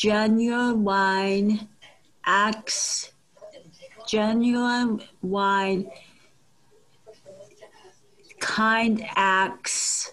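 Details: Woman with aphasia after a stroke on April 10th 2004, a member of a community aphasia group, repeating a phrase.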